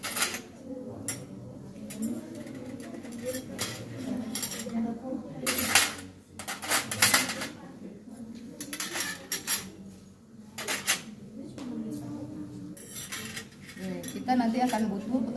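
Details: Irregular metallic clinks and rustling, with faint speech, as a sterile instrument set is opened and arranged for tracheostomy wound care in a woman, done to prevent infection and aid healing.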